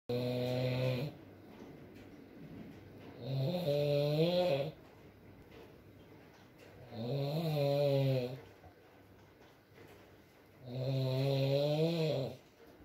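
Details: Male snoring in an ASMR sleep recording: loud, buzzing snores on each breath, about 16 a minute, with quieter breathing between and soft rain in the background.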